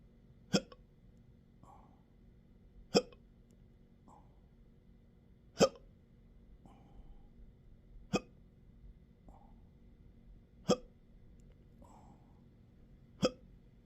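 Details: Adult with intractable hiccups since December 2015, in 12-hour episodes up to 7 days a week, with belching, choking spasms and developing achalasia; six sharp hiccups every two to three seconds, about 25 a minute, with soft breaths between.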